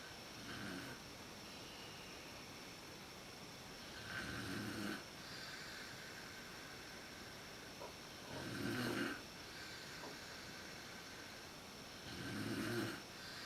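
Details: Mother's snoring recorded in the dark with a PowerShot SX130IS camera, worse at sleep onset: rough, rattling snores on each inhalation, about 16 breaths a minute, over faint room noise.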